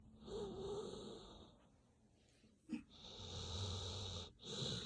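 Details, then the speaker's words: Wheezy, whistling snore with a brief snort between breaths from a sleeping dog. "sounds of sleep. Doggy snoring is sleep inducing."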